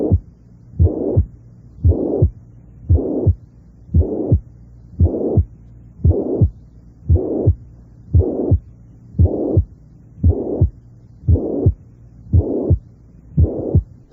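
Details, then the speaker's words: Mitral regurgitation murmur at the apex: a mild to moderately loud, high-pitched blowing murmur filling each systole, with a regular heartbeat near 57 per minute. "cuando este soplo es débil o moderadamente intenso es de tono alto y de carácter soplante"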